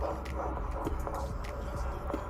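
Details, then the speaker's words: Fetal Doppler at 9 weeks of pregnancy, mother hospitalized, reading 166: rapid, regular whooshing pulses through a low rumble, mother reports baby moved; fetal heartbeat about 166 a minute. "I heard it I did you heard it I'm so excited my baby just moved and I hear that heartbeat a little bit"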